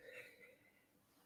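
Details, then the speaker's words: Throat clearing from a person with Parkinson's disease, who says the throat occasionally goes as a manifestation of it, taking its time before it begins to clear again. "He likes talking to his neighbors, but he also, forgive me, occasionally my Parkinson's kicks in, and one of the manifestations is the throat goes just for a little while. It takes its time, but then it begins to clear aga"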